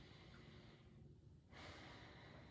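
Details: A deep breath drawn in and let out in a quiet room during a nursing head-to-toe assessment; smooth airflow without crackles or wheeze; clear, normal breath sounds.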